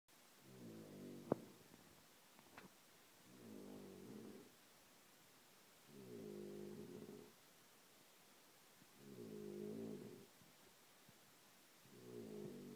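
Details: Adult man who denies snoring, with 90's house music playing: rhythmic low rattling snores on each in-breath, about 14 a minute, with quiet pauses between.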